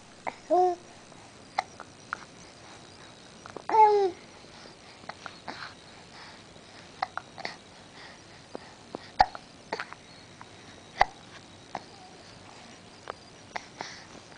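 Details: Infant hiccups, possibly while sucking his thumb: babbling broken by sudden sharp voiced hiccups and small catches at irregular intervals in a quiet room.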